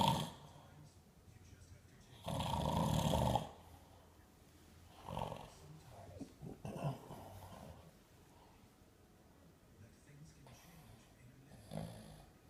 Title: Dad Snoring